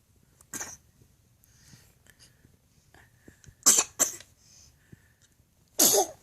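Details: Baby boy sneezing while being fed peaches: three or four small, sharp infant sneezes with quiet gaps between; ordinary baby sneezing.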